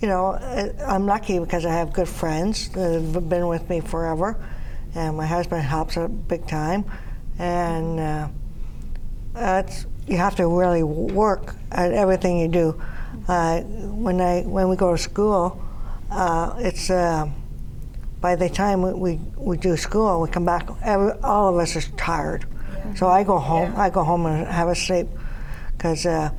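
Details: Aphasia in an adult woman after three strokes in 2011 with about six months of hospitalization.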